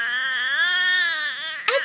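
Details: Baby's sustained, high-pitched wail, one long cry breath ending in a brief catch; an ordinary infant cry.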